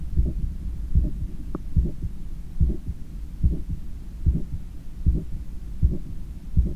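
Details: Own heart recorded by stethoscope while lying on a daybed, leaning on the left side, controlling breathing after a 10 km run: strong, regular lub-dub beats at about 73/min with low room hum; normal heart sounds after exercise.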